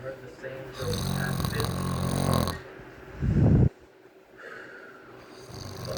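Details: A 12-year-old sleeping on his back with his mouth open, snoring loudly, recorded by his younger sister: a rough, low, rattling snore on the in-breath followed by a quieter snorting breath.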